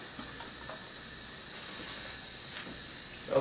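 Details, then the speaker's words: Large volume nebulizer set up on a patient's flow meter, delivering humidified aerosol by a loose-fitting face mask: a steady soft hiss of gas flow, which is the normal device sound. "attach the nebulizer unit to the flow meter adjust the flow according to the setup"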